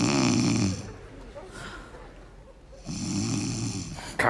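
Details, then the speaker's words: Simulated snoring performed on stage in a Russian comedy sketch: loud, rumbling imitation snores separated by a quiet pause, part of a gag that princesses don't snore. "Что ты опять будешь храпеть я не уснуть"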